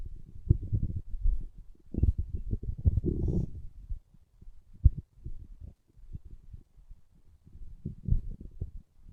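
Deep, irregular gurgling rumbles that swell and fade over several seconds; ordinary stomach growling.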